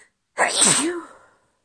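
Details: A female with a cold gives a single loud, explosive sneeze with a voiced trailing tail; sneezing.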